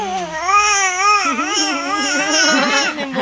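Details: Sleepy baby, recorded on a mobile phone; continuous loud cry with wavering, rising and falling pitch: infant crying.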